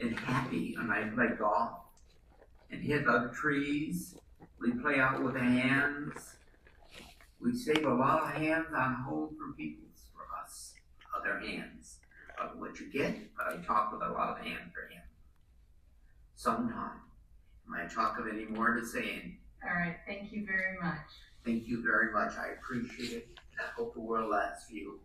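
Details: Man with fluent (Wernicke's) aphasia caused by damage to Wernicke's area, producing word salad, with impaired comprehension and unawareness of his errors; Wernicke's aphasia.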